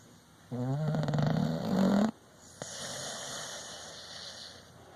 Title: Dog snoring